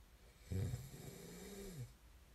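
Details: One low, rattling snore on the in-breath, fading into a soft drawn-out tail over about a second and a half; snoring recorded as snoring ASMR.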